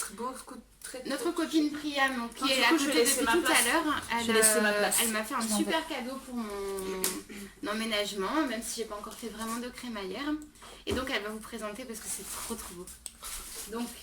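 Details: Adult woman speaking; normal voice.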